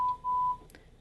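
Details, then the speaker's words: A steady pure beep, briefly broken then held about a third of a second: a 1000 Hz audiometer test tone in a booth, raised in 5 dB steps to find a young female patient's threshold (0 dB HL). "So I present the tone. She didn't respond, so I go up 5 decibels, and I present again."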